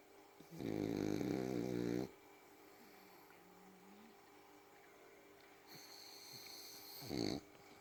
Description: snoring french bulldog